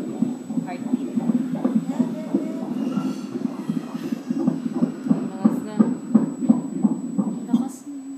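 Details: Fast, regular whooshing pulses at about 170 a minute; normal fetal heartbeat on Doppler ultrasound, baby boy.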